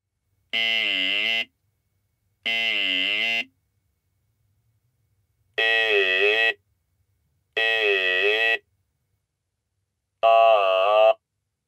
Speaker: when the button is pressed this electro larynx produces a glottal sound like this now it will be connected with each one of the models